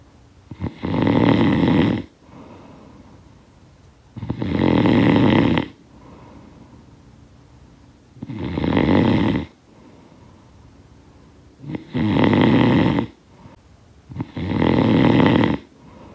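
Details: Loud rattling snores on each in-breath with quiet out-breaths, about 19 a minute; heavy regular snoring from a sound-effect recording.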